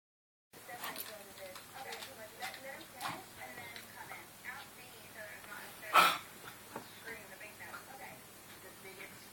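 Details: Baby gives one short, sharp cough against steady background talk, likely from a television.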